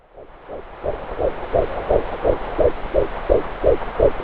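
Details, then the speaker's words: Fetal heartbeat at only 10 weeks of pregnancy on a home fetal Doppler (BabyBeat): rapid, regular whooshing blood-flow pulses at about 170 per minute, much faster than the mother's pulse. "here is the sound of fetal blood flow it is a much faster pulse than yours wow the fetal heartbeat at only 10 weeks notice how fast the heart rate is at this stage"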